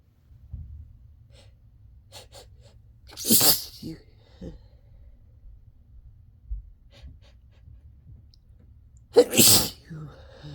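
Two loud sneezes several seconds apart, with quiet breaths and small catches between them.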